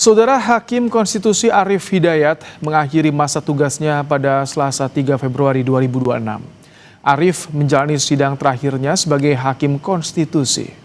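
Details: Adult male news presenter; Normal speech.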